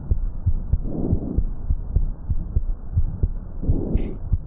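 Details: Pediatric teaching example, stethoscope over the chest, typical frequency 100–1000 Hz: soft, low rustling breaths with heartbeats thudding underneath: normal vesicular breath sounds.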